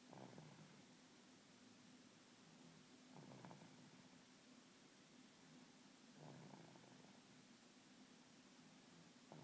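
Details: Snoring in a person during sleep: soft, low rattling snores about every three seconds, roughly 20 a minute, under steady background hiss.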